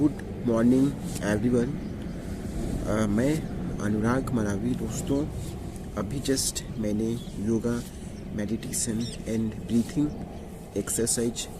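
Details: Adult male speaking Hindi on day 51 of a 90-day speaking practice with yoga and meditation to overcome his stammering; word repetition heard; stuttering.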